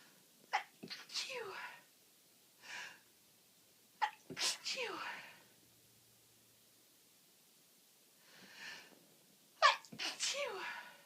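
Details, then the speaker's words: Repeated uncontrollable sneezing in a person with a common cold, itchy nose and watering eyes: three forceful sneezes, each followed by a short voiced exclamation, with quiet breaths between. "Achoo. Achoo. Achoo. I am full of cold again. I'm so sorry, I really can't control."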